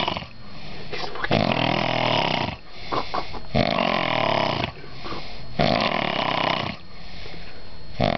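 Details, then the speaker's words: Army soldier asleep in a bunk; long, rough, rattling snore-like breaths about three seconds each, with throaty bursts between. Loud snoring. "Yo, that [ __ ] is the [ __ ] worst dragon you ever hear asleep. Yo, it's like a hibernating beer that never [ __ ] stops."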